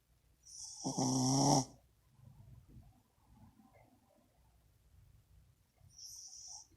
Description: Dog snores louder than owner!